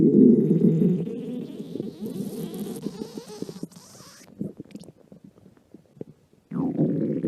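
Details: Stomach growling (borborygmi): a long, low gurgling rumble breaking into bubbly pops, then another rumble.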